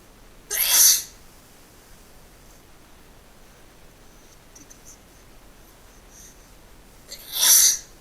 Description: I'm trying to fufill this request to annonce my sneeze, well I tried anyway,and they were so wet!!!!